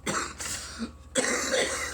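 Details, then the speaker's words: Adult in a prolonged coughing fit right after a bong hit of cannabis: two harsh, rough cough bursts separated by a short pause; cough after smoking. "I think the coughs are over though so you know oh okay no maybe not I think I hear few one coming it's not over"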